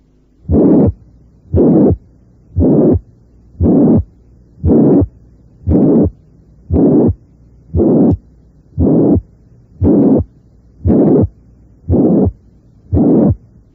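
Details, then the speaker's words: Mitral regurgitation due to ruptured chordae tendineae: a very harsh holosystolic murmur loudest at the apex. "un soplo o los históricos muy áspero con intensidad máxima a nivel de la punta debe hacernos escuchar una insuficiencia mitral debida a la ruptura de las cuerdas tendinosas"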